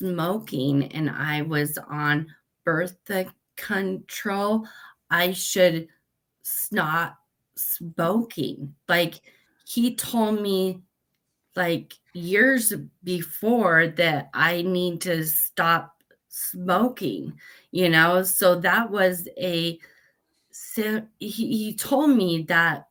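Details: Aphasia after a stroke at age 38 in a woman; when first met she was barely understandable.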